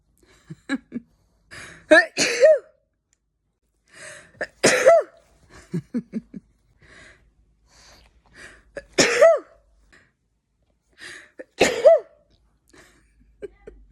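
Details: Adult with allergies sneezing repeatedly and unable to stop, about five explosive sneezes in fourteen seconds, each after a quick indrawn breath.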